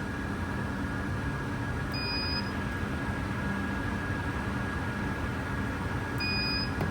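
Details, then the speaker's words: An insulation tester is run along a laparoscopic instrument shaft through a ring attachment with metal brushes; two short high beeps near the working end over a steady hum, marking an insulation failure on the shaft. "I can hear the the beeping when I get near the working end of it. I can run down the whole shaft easily."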